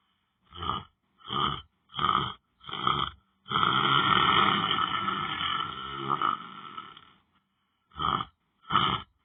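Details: Adult snoring while lying down on the floor asleep: repeated rough, rattling snores in short bursts, with one long drawn-out snore in the middle.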